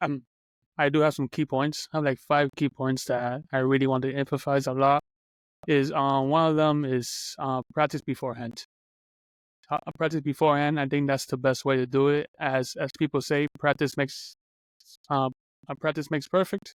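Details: Adult man who stutters and says anxiety brings out his stuttering more, speaking on a podcast about stuttering; stuttering.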